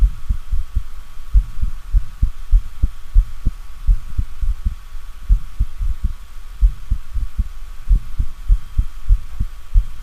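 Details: Simulated mitral stenosis with an enlarged left atrium and thickened but mobile mitral leaflets: sharp heart sounds and an opening snap, then a low-pitched rumbling diastolic murmur that lasts until mid-diastole.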